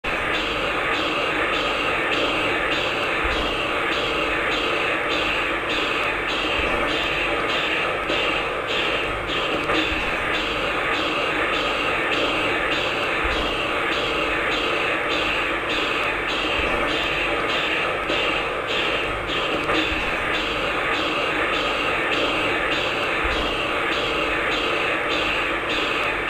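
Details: Transcranial Doppler spectrum of the right middle cerebral artery: a harsh, high-pitched pulsing whoosh over a steady hiss. Severe vasospasm, matched on arteriography.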